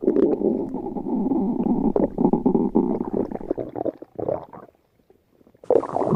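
Long rumbling, gurgling growls that stop and then start again, normal stomach growling.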